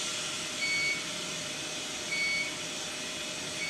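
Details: SIPAP ventilator during setup: two short high-pitched beeps over steady device hiss. The apnea-detection alarm sounds when no breathing effort is sensed and the rescue frequency takes over.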